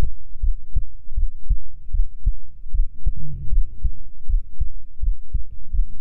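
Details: Heartbeat in a binaural ASMR sleep recording: steady paired low thumps at roughly 78 beats a minute, a resting rate, heard close up.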